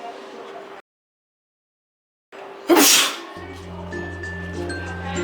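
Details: One loud, sharp sneeze burst after a short pause, staged as a public prank, with music and a steady hum behind; sneeze.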